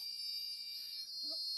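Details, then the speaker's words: Dolphin Neurostim device reverting to a steady high-pitched tone and steady light when its roughly 11-minute treatment cycle ends; electrical stimulator tone. "If the battery is a little bit weaker, it's going to take a little bit longer. And at that point, it's going to revert back to having a steady tone"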